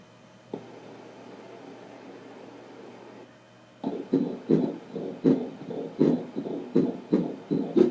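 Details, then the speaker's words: Fetal heartbeat at a 12-week ultrasound check-up, baby moving: after a stretch of quiet hiss, rapid whooshing pulses of about 160 a minute, described as really fast; normal fetal heart sounds. "yeah it's that's baby's heartbeats are really fast"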